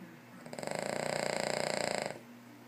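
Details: A King Charles dog snoring: one drawn-out fluttering, buzzing breath lasting under two seconds.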